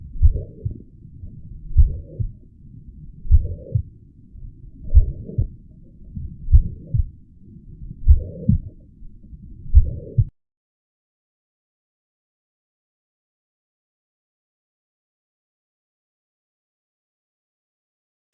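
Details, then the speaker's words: Mitral regurgitation: high-pitched blowing holosystolic murmur at the cardiac apex, heartbeat about 76 a minute, no opening snap, contrasted with mitral stenosis. "Choice A, which is the high-pitched blowing holosystolic murmur at the cardiac apex is what's going to be a mitral regurgitation. So since it is high-pitched, it's at the right location, but it's the wrong sound. So this is what mitral regurgitation is going to sound like in comparison to the stenosis."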